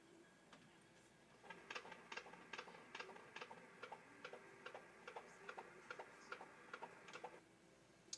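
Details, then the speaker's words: Fetal heartbeat on ultrasound Doppler at 16 weeks of pregnancy, heart seen flickering: rapid, regular whooshing beats measured at 145 per minute, within the stated normal 120–180 range. "The flickering right there is the baby's heart beating. Let's listen."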